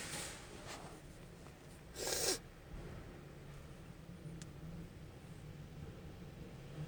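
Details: Strong sneezes the person (marked F) could not stifle, needing to blow their nose: one forceful, hissing sneeze burst at about two seconds, a fainter puff earlier, over quiet room noise.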